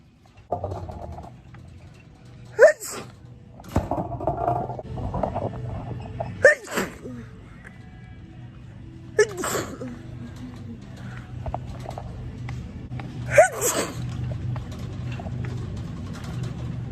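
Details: Girl sneezing: four sharp, explosive sneezes several seconds apart, over steady background music.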